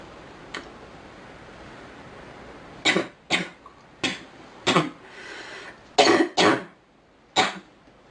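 A run of about seven short, dry coughs in quick clusters from a girl, in a quiet room.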